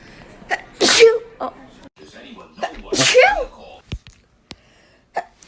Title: natural sneezing compilation